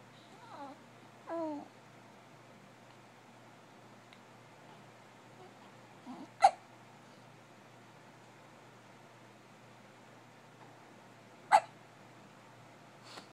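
Two sharp hiccup sounds about five seconds apart in a quiet room, with soft babbling at the start. Hiccups.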